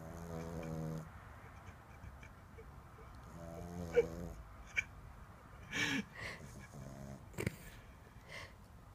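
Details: Boston Terrier puppy asleep and snoring: a few rough, buzzing breath sounds with snuffling in between.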